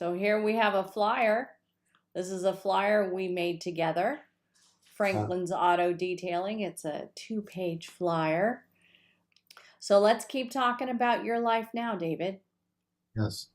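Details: Adult speaker in conversation; ordinary speech.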